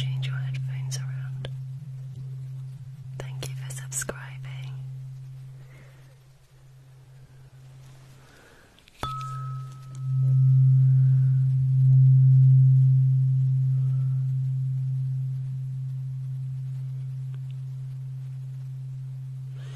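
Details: Simulated hearing test in an ASMR doctor roleplay, with right-side audio on headphones: a struck ringing tone like a tuning fork sounds after soft whispering and tapping, holds, then slowly fades.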